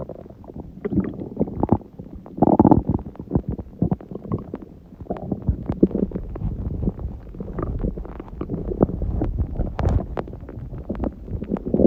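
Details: Stomach growling recorded at 1:30 after waking, following a large udon meal at 19:30; the owner suspects a reaction to gluten after a long break. Continuous low gurgling and rumbling with bubbly pops: borborygmi.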